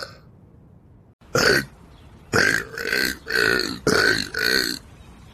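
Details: Animal burping: five short, resonant belch-like bursts in quick succession, about one per second.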